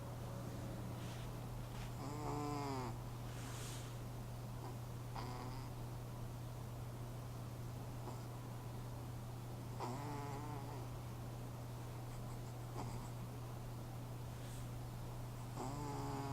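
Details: Sleeping cat snoring loudly, with soft rhythmic wheezy squeaks on each breath, while the owner tries to wake her; steady background hum.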